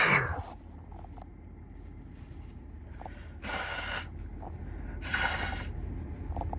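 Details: Three sudden, hissy, explosive sneezes, the first cut off, from pollen after the first spring hike, over a steady low hum of car engine and AC fan.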